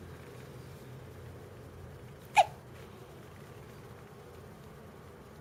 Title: Hiccups 17 days old